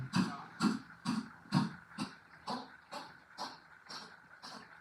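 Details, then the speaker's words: Chihuahua with coughing and sneezing problems, trying not to cough: about ten quick, harsh hacking coughs in a steady rhythm, fading slightly toward the end; repeated cough. "we got a Chihuahua here that's got real problems who's coughing and sneezing she's trying not to cough but she's"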